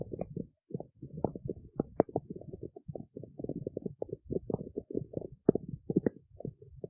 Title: stomach growling in the city